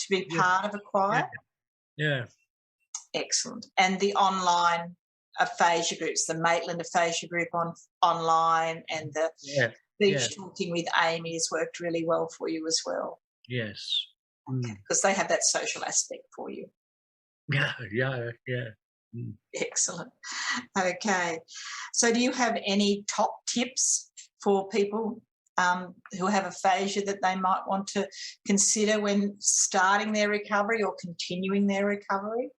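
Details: Adult woman speaking in conversation; no speech disorder.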